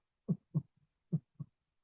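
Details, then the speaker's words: Heart auscultation demo used as the normal reference before S3/S4 examples: two crisp lub-dub heartbeats at about 70 a minute with no extra sounds; normal heart sounds. "فسمع كده يا شباب ده النورمال الصوت النورمال بتاعي كده"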